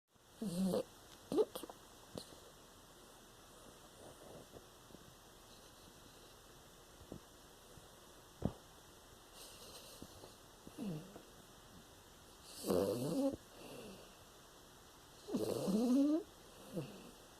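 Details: Sleeping chiweenie dog snoring: irregular snorting snores with squeaky, whistling tones and quiet gaps between breaths.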